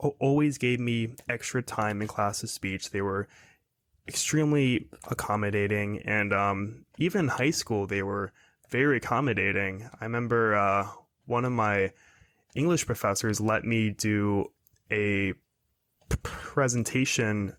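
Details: 22-year-old man who has stuttered his whole life, speaking in a podcast interview; stuttering.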